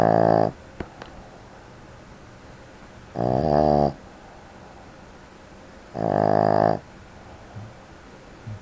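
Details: Three loud, droning snores about three seconds apart, with quiet breathing between them; snoring.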